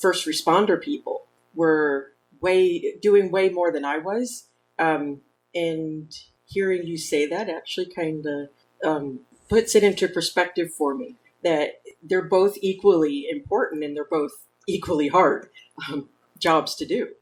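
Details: Adult woman speaking; normal speech.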